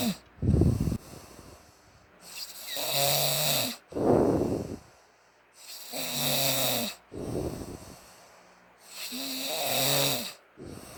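Loud, rough snores come with each breath in, alternating with breaths out, about 17 breaths a minute, a typical snoring pattern.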